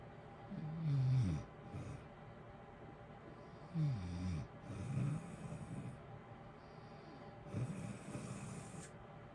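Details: Natural adult snoring during sleep: rough, rattling snores with snorting breaths over steady heater white-noise hiss.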